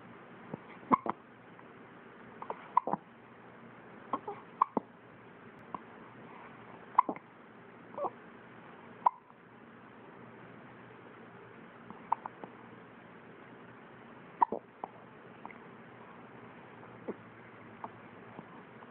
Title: has the hiccups